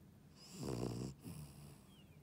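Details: Shih tzu dog: one rattling, vibrating inhaled snore followed by a softer breath; snoring.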